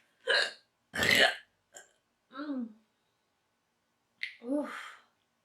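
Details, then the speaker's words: Woman who got hiccups from deliberately induced burping: several short, abrupt voiced catches and gulping sounds with pauses between them; hiccups. "Oh, fuck. Oh, it's giving me the hiccups too now."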